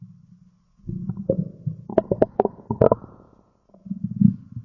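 Low gurgling, rumbling stomach growls with bubbling pops; ordinary bowel sounds.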